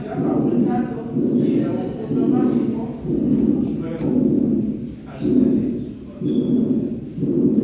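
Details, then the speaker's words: Regular heartbeat near 60 a minute with a harsh crescendo-decrescendo systolic ejection murmur; the ventricle must build extra pressure to eject across the narrowed valve: aortic stenosis. "miren, a ese volumen que le está llegando de sangre, se necesita incrementar su presión para que salga por por la válvula. Con 80 no puede, necesitan 90, 95 para poder eyectar la sangre."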